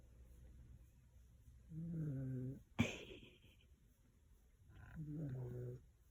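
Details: Snoring: two low, rough, buzzing snores separated by a brief sharp snort, with quiet breathing between them.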